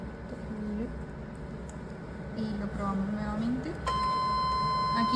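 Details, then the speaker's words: Electrosurgical unit in cut mode at setting 40, tested with an electrosurgical analyzer: a steady high tone starts partway through, over voices and room noise; activation tone. "eh primero vamos a probar el corte con una frecuencia de 40 entonces lo hundimos aquí en corte"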